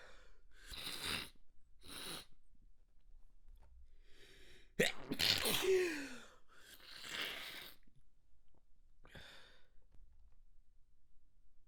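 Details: Manually induced stifled sneezes, nose extra sensitive: several short, hissing bursts and caught breaths, with one stronger sneeze partly escaping, held back with the mouth closed.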